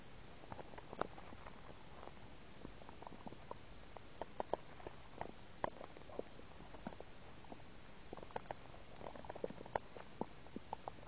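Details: Stomach rumbling and gurgling in a 10-year-old girl: frequent soft clicks and brief gurgles over a low steady hiss, active bowel sounds.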